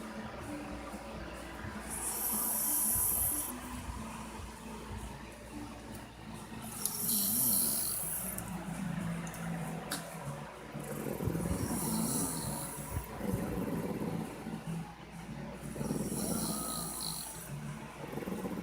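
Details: Rough, uneven snoring in a sleeping adult man (dad), with hissing, airy bursts on some breaths over steady room noise and faint background music or voices.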